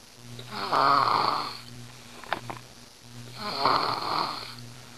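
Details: A daughter snoring very loudly during sleep: two loud, rattling snores on successive in-breaths about two and a half seconds apart, over a steady low room hum.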